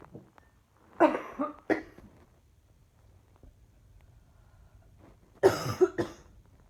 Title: Just simply coughing